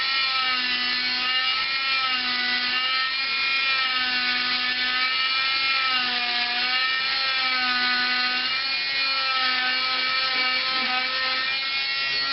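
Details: Oscillating cast saw on its high setting removing a long arm cast with quick in-and-out motions from end to end, turning at the elbow: a loud buzzing motor whine with rhythmic pitch changes as it presses in and out.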